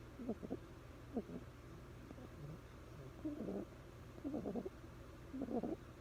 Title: Cutest bulldog puppy with the cutest quietest snore